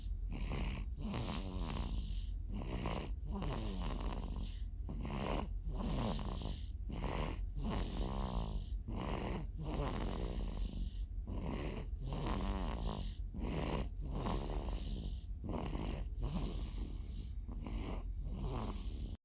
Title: passed out drinking and snoring lol